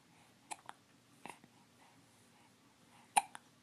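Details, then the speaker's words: Baby girl babbling, then several short, sharp hiccups, some in quick pairs, in a quiet room while a parent talks to her; infant hiccups. "the hicups interfering with the story are interfaring with the story huh are they keeping you from telling me the rest of it"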